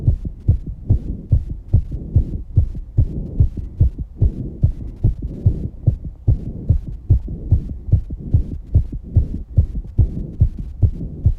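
Strong, regular thumping heartbeat at about 145 a minute with breathing noise behind; a fast but normal heart rate after exercise.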